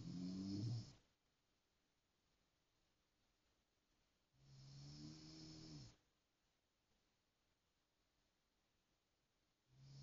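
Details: Slow, regular rumbling snores with quiet pauses between, about one every four to five seconds, in a quiet room. Snoring.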